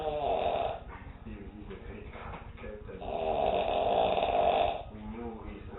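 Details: Man, a habitual loud snorer, snoring on the couch: loud, rattling snores on the in-breath with quieter pauses between; ordinary snoring.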